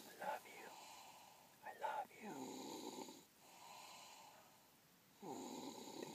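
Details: Person snoring: repeated rough, low, rattling breaths in sleep, each lasting about a second, with quieter pauses between.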